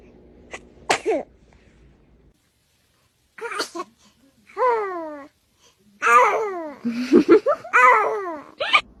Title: Cutest Baby Sneezes Ever 😂👶💨 #funnyshorts #funnybabyreactions #viralkidsvideos #viral #cuteandfunny